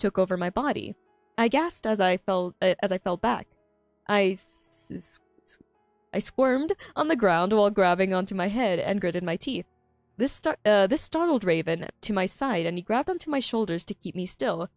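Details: Female streamer with self-reported frequent stuttering, reading aloud her own story, which she finds difficult; phrase and word repetitions; stuttering.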